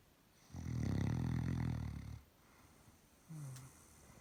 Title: Relaxing snoring Doberman dog